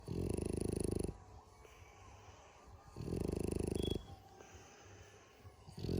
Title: Frenchie loud snoring lol